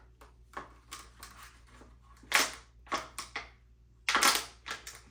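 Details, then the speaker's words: Bag-valve mask at the bedside, attached to oxygen at 20 L/min (100% O2), squeezed several times in a simulated tracheostomy nursing OSCE: airy whooshes and rustles showing the device moves gas properly. "we have a BBM at the bedside attached to 20 L which is great 100% O2 I want to check to make sure that this is functioning properly"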